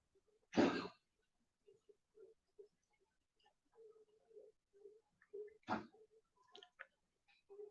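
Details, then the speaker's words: Pet (barking, growling) with congestive heart failure coughing in the background; two harsh, forceful coughs several seconds apart with snuffling and whimpering between: cardiac cough (congestive heart failure). "you can hear bolo coughing in the background that's part of his uh his issue with uh his issue with being a congestive heart failure"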